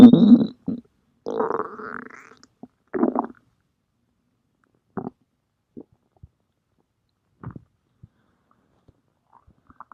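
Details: Stomach growling (borborygmi) from a person's belly.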